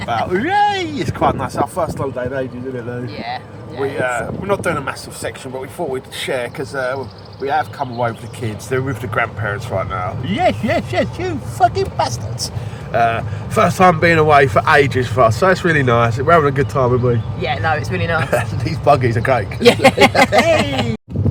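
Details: Man with Tourette syndrome who suppresses tics in public and then tics heavily later, including tic attacks; swearing vocal tic outbursts occur mid-conversation; Tourette syndrome vocal tics (coprolalia).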